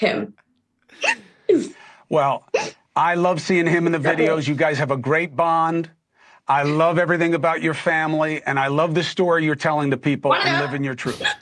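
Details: Adult speaker; ordinary speech.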